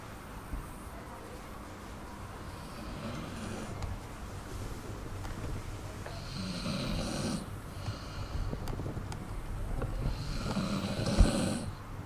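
Soft, rhythmic wheezy snores with hissy breaths from a sleeping dog, over low steady room hum; snoring.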